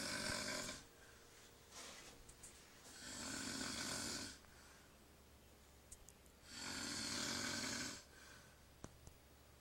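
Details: Shirtless adult man snoring during sleep, tagged with sleep apnea: loud, rough snores with quieter breaths between, about 17 breaths a minute.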